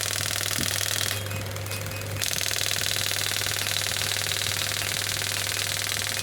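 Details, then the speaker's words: Pneumatic radial extracorporeal shockwave therapy (ESWT) probe, up to 10 bar, firing during a device demonstration as frequency is adjusted: rapid, steady mechanical tapping about four strikes a second, with a brief quieter stretch; shot counter running. "you can see the number of shots coming and if I increase"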